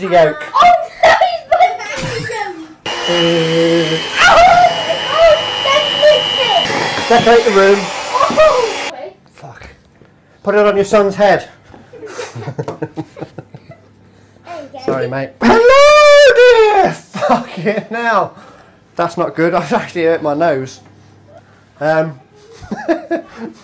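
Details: Adult man with Tourette syndrome producing involuntary vocal tics of random words and phrases; Tourette syndrome (vocal tics).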